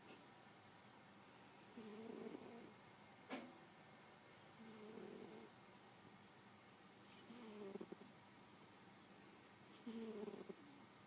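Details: Man snoring in sleep, possibly woken by a nightmare: four soft, fluttering snores about two to three seconds apart over quiet room noise; light snoring.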